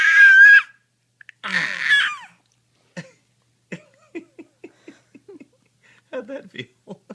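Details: A young child gives two harsh, forced voluntary (fake) cough-like bursts, then short giggly voiced sounds.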